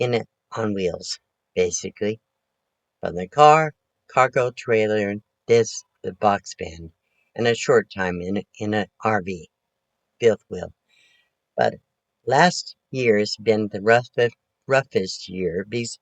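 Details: Post-stroke aphasia in a 72-year-old woman recovering from her second major stroke, which she says affected her thinking; she is talking much better, with word repetitions, restarts and word-finding errors.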